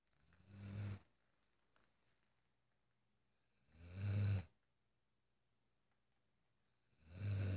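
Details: Irish Wolfhound dog, relaxed: soft, low rumbling snores about every three seconds, near 19 a minute, with quiet pauses between; snoring.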